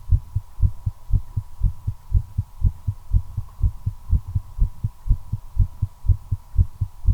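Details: Accelerating heartbeat while smoking a cigarette, attributed to the effect of nicotine: rapid heartbeat (tachycardia).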